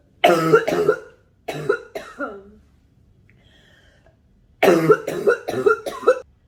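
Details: Smoker's cough: repeated harsh, wet-sounding adult coughs in three bouts with a pause between.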